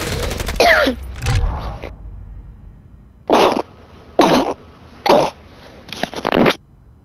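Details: Brief loud game noise while gaming, then four harsh, forceful coughs about a second apart, the last breaking into a quick stuttering burst; coughing fit.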